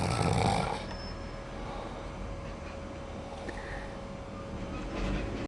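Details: Sleeping person snoring in a bedroom: one rough snore at the start, then quieter breathing against steady room noise.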